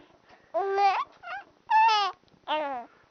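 Three short, high, rising-and-falling wails with brief gaps between them: an infant crying.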